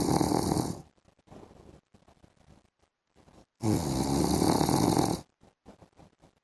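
Two loud, rough, rattling snores about three seconds apart, with quiet breathing between them; snoring during sleep.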